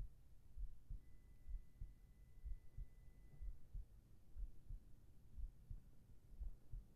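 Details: Binaural ASMR heartbeat recording for sleep: soft, steady paired lub-dub thumps at about 60 beats a minute over a faint hum, with a brief thin high tone early on; regular heartbeat.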